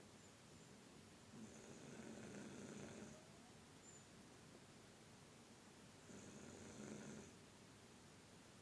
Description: I caught my Sister Snoring like a very grumpy grizzly bear because she was very tired today!